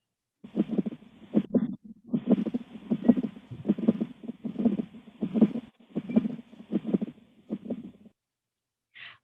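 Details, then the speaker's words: Audio of the continuous machinery murmur of patent ductus arteriosus, played in a cardiovascular lecture: continuous rumbling murmur with rhythmic swells about 78 times a minute. "you're going to see machinery like murmur on auscultation which is a characteristic sign i have an audio please play"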